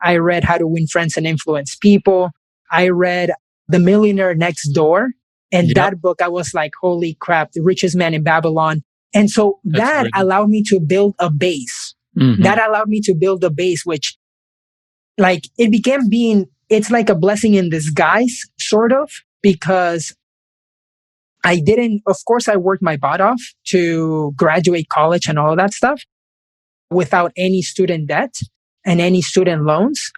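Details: Man who has stuttered since age five, which he calls a speech impediment, speaking: stuttering.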